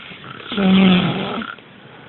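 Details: One loud, low, rattling snore on a breath in, lasting about a second, in a small room; snoring.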